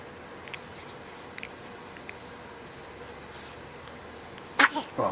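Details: 3-week-old baby girl in a quiet room: a brief sharp burst then a softer second sound, arms moving wildly afterward; newborn sneeze.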